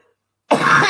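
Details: Adult woman with a flu-like illness: a single harsh, loud cough burst after silence; cough.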